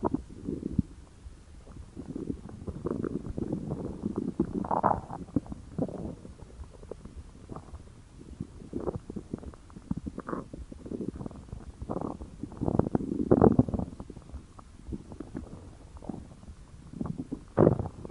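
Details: Stomach growling when hungry: irregular low gurgles and rumbling growls from the abdomen, ordinary hunger-related bowel sounds (borborygmi).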